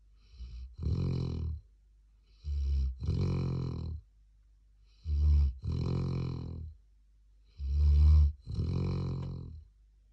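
Deep, regular snoring from a sleeping young dog, a short snort then a longer rumbling snore on each breath, about 8 breaths a minute.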